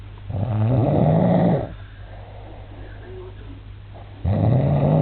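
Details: Adult man snoring during sleep, filmed to prove to him that he snores: two loud, deep, vibrating snores on inspiration a few seconds apart with quiet pauses; snoring.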